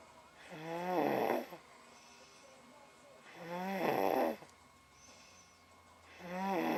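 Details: Asleep in a darkened room after a rough day with a sore tummy: loud, rattling snores on each in-breath, about 20 breaths a minute, quiet breaths out between; snoring.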